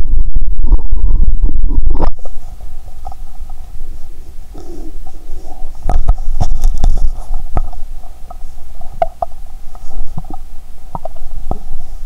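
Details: Stethoscope on the belly after drinking cola with Mentos: loud gurgling rumbles, then intermittent clicks and bubbling gurgles with watery sounds; ordinary bowel sounds.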